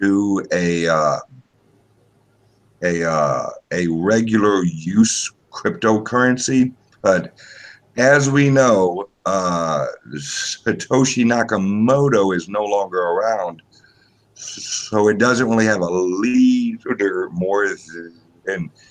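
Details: Self-reported speech impediment of unspecified type in a man; disfluency; speech impediment.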